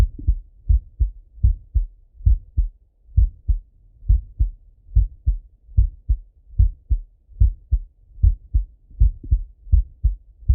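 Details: Male heartbeat by stethoscope while lying on his left side; steady paired lub-dub beats at about 73 a minute.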